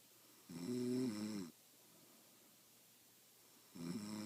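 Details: A friend who insists she doesn't snore, recorded asleep: loud, rattling, pitched snore about a second long, a quiet gap, then another starting. Adult snoring.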